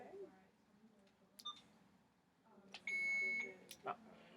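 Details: Alaris infusion pump being set up with 1000 mL fluid with KCl 20 mEq by a nurse, lines not yet inserted: brief electronic chirps then sustained high beep prompting to check the line; infusion pump alert.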